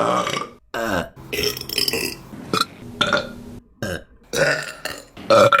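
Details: Run of loud, voiced belches from women, separated by brief pauses, some long and drawn out: repeated burping.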